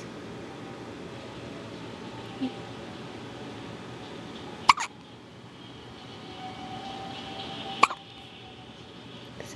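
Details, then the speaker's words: Infant girl with hiccups, which she gets almost every day: two sharp, high little squeaks about three seconds apart over quiet room hiss. "Baby's got the hiccups."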